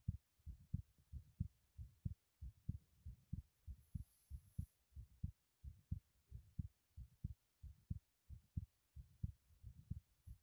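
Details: Steady, deep thumping heartbeat about 90 beats a minute with a brief hiss, recorded while running in a bathroom; normal heartbeat during exercise.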